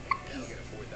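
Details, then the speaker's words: A one-day-old newborn boy gives a single brief, high-pitched squeaky hiccup after drinking a whole feed, then quiet room noise; infant hiccups. "Oopsie. Somebody's got the hiccups."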